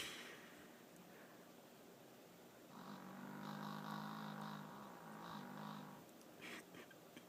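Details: Dog with a weird snoring sound: a low, buzzing, fluttering breath sound rising midway, with faint room noise; snoring.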